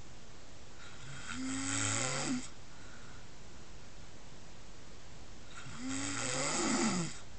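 Two long, rough, low-pitched inhaled snores with grunting vibration, a few seconds apart, over quiet room noise; snoring in a sleeping pig.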